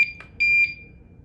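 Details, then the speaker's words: Home IV milrinone infusion pump, nurse setup demonstration: short sequence of high electronic alert tones, one held longer, the no-keypad-activity alert warning that start was not pressed within 30 seconds. "So, don't be alarmed if you get this on your screen. It says no keypad activity. It's a it's kind of a safety thing. So, if you're not pushing start in 30 seconds, it's going to let you know that you forgot to push start."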